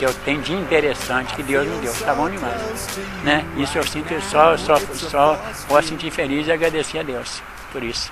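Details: Adult who stutters; stuttering.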